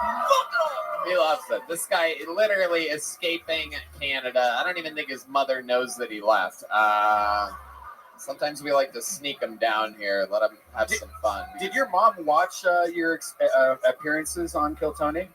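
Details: Adult male speaker; normal speech.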